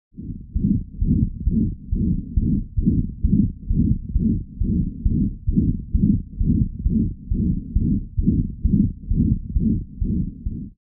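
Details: 4-month-old infant with atrioventricular septal defect after pulmonary artery banding, recorded with a Thinklabs One digital stethoscope: fast heartbeat about 130 a minute with a harsh whooshing systolic ejection murmur across the band.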